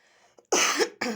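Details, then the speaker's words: A single harsh cough, then a short second burst, from a woman with a lingering, persistent cough she is tired of. "заманал мне уже этот кашель заманал проходит таблетки"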